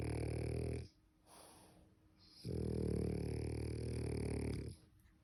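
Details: French bulldog (frenchie) snoring loudly: two long, loud rattling breaths about 2.5 seconds apart, with quiet pauses between.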